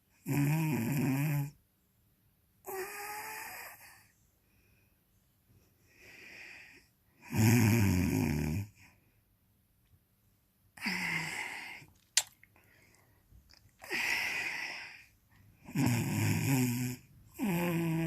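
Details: Heavy snoring: loud, rattling snores on each breath, about eight in eighteen seconds, with quiet pauses between.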